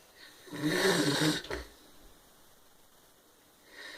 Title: My brother snoring but saying he doesn't snore.